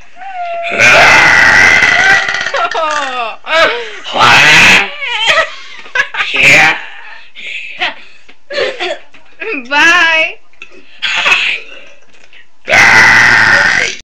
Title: Crazy Burping!!!